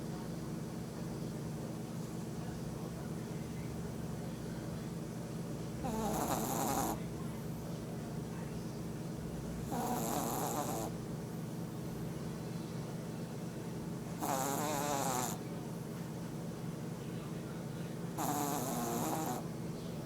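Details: Teddy snoring during a nap: four rough, rattling snores about every four seconds, roughly 14 breaths a minute, over a steady background hum.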